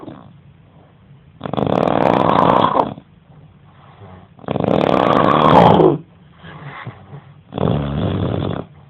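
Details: Roommate snoring heavily during sleep: loud, rough, rattling snores on long breaths with quieter breaths between; snoring.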